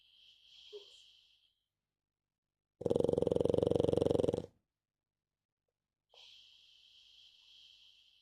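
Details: Snoring in a sleeping pug: one loud, fluttering snort-like snore between softer hissing breaths.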